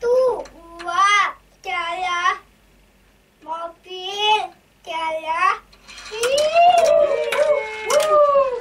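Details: Speech of a young girl with hearing loss who uses hearing technology, counting during an Auditory-Verbal Therapy session; such children cannot yet fully understand conversation or speak.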